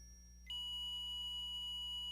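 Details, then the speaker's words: Short beep, then a steady high continuous tone from a HeartStart MRx monitor defibrillator: the charged alert. It sounds for 10 seconds, then intermittent beeping for 5 seconds; the shock must be delivered within 15 seconds or it disarms. "tone will sound for 10 seconds followed by an intermittent beeping for 5 seconds the shock must be delivered within this 15-second interval or the defibrillator will disarm itself"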